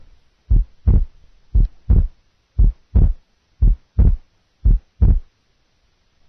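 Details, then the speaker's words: Simulated heart sounds from a nursing assessment demo at about 58 beats per minute: a widely split second heart sound, compared with a single second sound. "listen now to a wide split second compared to a single second sound wide split second sound"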